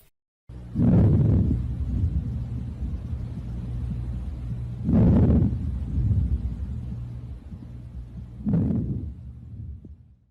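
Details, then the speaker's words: Normal vesicular breath sounds heard on chest auscultation through a stethoscope: soft, low rustling breaths about every four seconds. "Nos sons normais temos o murmúrio vesicular. Como eu dizia, temos o murmúrio vesicular, como podemos ouvir aí."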